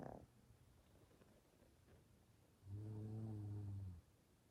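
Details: Little dog and a child taking turns snoring during sleep; quiet room, then one low droning snore lasting about a second. Snoring.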